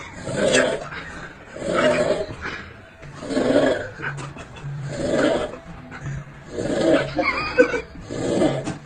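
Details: Snoring: loud rattling breaths about every one and a half seconds, roughly 38 a minute, in an uneven rhythm.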